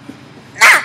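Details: Vocal tic in a 20-year-old woman with Tourette syndrome.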